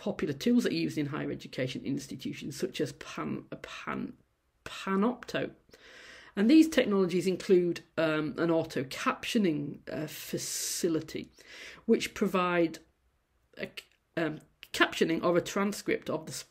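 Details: Adult female university lecturer who stammers, giving a presentation, with sound repetitions; stammering (stuttering).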